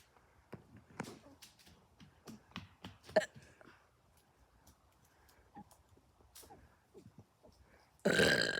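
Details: A series of short, quiet belch-like bursts in a quiet room, ending with a loud rush of noise; repeated burping.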